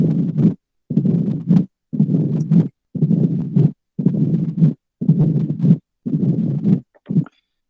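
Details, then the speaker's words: Mitral stenosis: regular cycles about 58 a minute, an opening snap right after S2, then a long low rumbling diastolic murmur rising before the next beat; murmur does not radiate. "Cuando escuchamos R2 instantáneamente, escucho el ruido agregado que es el chasquido de apertura, luego pues se da el soplo"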